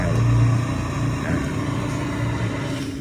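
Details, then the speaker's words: SUNNYMED SY-E024 CPAP for sleep apnea, demonstrated on a mannequin, with the breathing circuit disconnected: loud steady rushing roar of air with a low hum, whereas the unit is very quiet when connected. "Kalau misalnya kita tercabut di sini itu suaranya akan kencang sekali. Ya, keluarnya kencang sekali."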